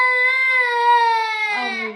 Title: Pakistani Cutest Baby Crying Funny Video